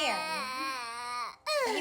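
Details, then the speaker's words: 11-month-old boy screaming because he wants his mother even though she is right there: loud, high-pitched wailing with a brief catch of breath, then crying resumes. Infant crying. "why is he screaming crying cuz he wants me but I'm right here right"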